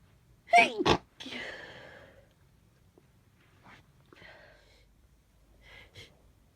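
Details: One full loud sneeze with trailing exhale, then softer stifled sneezes, from a person with half a cold, stuffy and runny nose but feeling fine.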